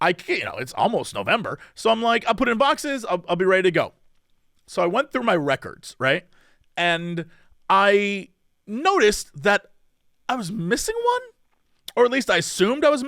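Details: Adult man speaking; normal voice.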